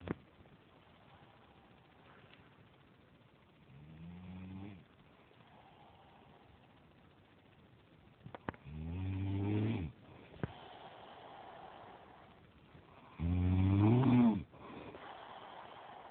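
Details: Adult man (boyfriend) snoring in sleep: irregular low rumbling snores growing louder with each breath, over a quiet room hum.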